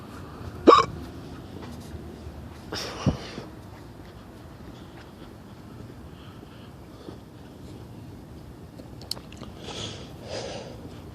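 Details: Two sharp, abrupt hiccups, then two fainter ones, over quiet room or car noise: hiccups (singultus).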